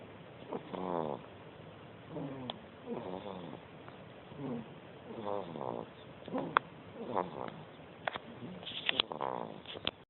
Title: Baby snores!